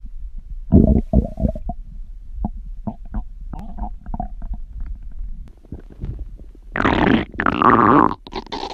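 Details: Male stomach growling (borborygmi): gurgling, bubbling abdominal rumbles in irregular bursts, then a longer loud growl; ordinary bowel sounds.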